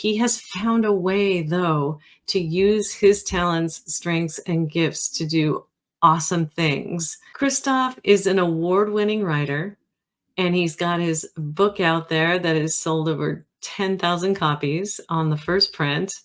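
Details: Adult female speaker; normal speech.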